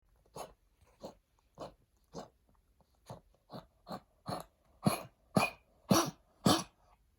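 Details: Adopted senior Pekingese with chronic cough after heartworm treatment: a run of about twelve quick, harsh coughs growing louder; lung damage attributed to the disease and its treatment, controlled with prednisolone.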